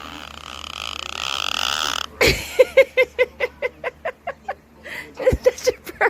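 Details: A parrot imitating someone belching: a run of about a dozen short, rhythmic, croaky burp-like bursts; burping imitation.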